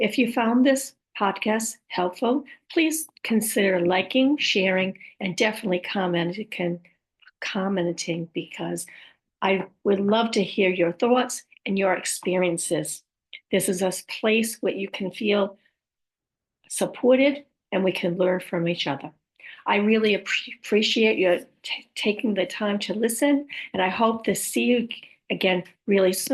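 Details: Woman with aphasia (language disorder), apraxia of speech and dysarthria (speech disorders), her speech sometimes hard to understand; aphasia with apraxia of speech and dysarthria.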